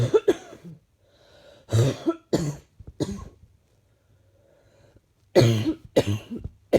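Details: Woke up with it that morning: several deep, rattly coughs in short bursts, then another pair after a pause; a slightly chesty, loose-sounding cough.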